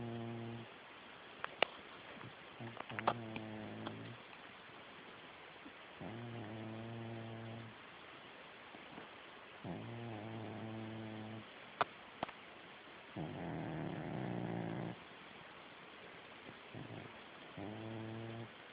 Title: My cat snores!